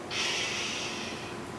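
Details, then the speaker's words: Handheld Doppler over a leg vein during compression in venous disease; blood goes up and then flows back the opposite way as a sustained, hissing whoosh over a second, fading slowly; venous reflux. "you hear that, there's reflux. And that's what it is. You pressed it, blood goes up, and then it comes back on the opposite direction."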